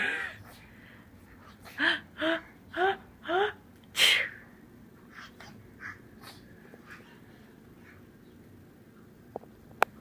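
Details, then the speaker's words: A sneeze preceded by four short, voiced catching breaths rising into one sharp, explosive burst, then a quiet room. "are you GNA are you gonna sneeze bless you wow you have so many sneezes at me"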